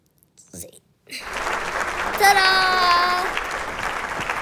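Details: One long, loud, voiced deliberate belch after brief breath noises, while someone practices burping the ABCs; burping.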